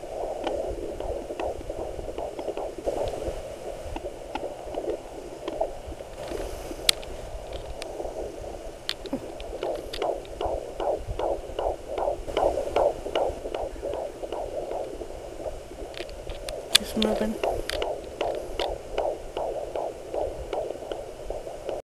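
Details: Fetal heartbeat at 15 weeks of pregnancy on a Doppler monitor: fast, rhythmic whooshing pulses about 150 beats a minute, within normal range.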